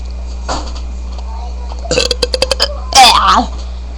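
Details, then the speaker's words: Sweating person with a stomach full of air: a string of short voiced bursts, then a loud, drawn-out, rough croaking belch; one very large burp. "I'm back and do the other biggest burp I ever done in my life."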